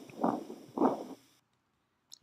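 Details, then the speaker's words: Veterinary cardiac auscultation near the heart base: a harsh rumbling, motor-like whoosh that swells and fades with no clear pause between beats, a continuous machinery murmur typical of puppies with congenital patent ductus arteriosus. "si tienen un sonido como de motor el nombre genérico de nombre didáctico es soplo en maquinaria típico de cachorros con una patología congénita"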